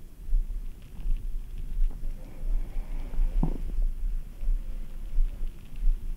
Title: ASMR | REDBULL STOMACH SOUNDS - Upsetting my Stomach with ice cold Redbull ❄️